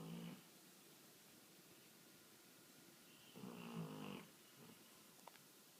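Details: Sleeping dog snoring: soft, low snoring breaths at intervals with quiet pauses between; owner calls it loud.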